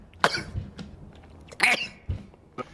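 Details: A boy sneezing: two sharp, explosive sneezes with a few short breathy noises between them.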